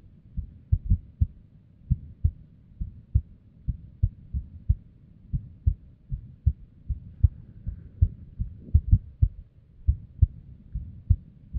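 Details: Female's unstable resting heartbeat, abnormal heart audio: low thumps unevenly spaced, some bunched close together, others pausing; irregular heartbeat with extra beats.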